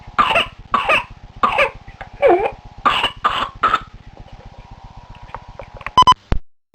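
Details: Two-year-old girl with whooping cough (pertussis), recorded on a handheld recorder during a paroxysm. About seven harsh coughs run to "the bottom", followed by a high drawn-in inspiratory whoop as she struggles to get her breath.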